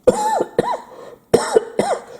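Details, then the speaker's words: Adult after a saline nasal sinus rinse, airways irritated: four short, dry cough bursts with no rattle or mucus coming up; dry cough. "there's nothing come up coming up there's just a dry cough because everything's irritated"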